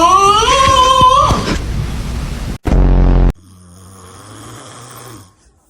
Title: Snoring #usaus #sleep#funny#funnyvideos #snoringsounds